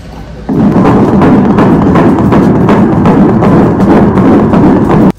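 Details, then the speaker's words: Fetal heartbeat heard during an ultrasound anatomical scan at a pregnancy checkup: rapid, regular whooshing pulses, stated at 132 beats a minute: normal fetal heart rate. "frecuencia cardíaca en este momento, en esta etapa del embarazo, siempre es un poquito más alta que la normal a lo largo del embarazo, pero en este caso los 132 latidos que tiene el bebé, no."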